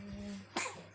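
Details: A baby gives one short, sharp cough over a steady low hum in a small room.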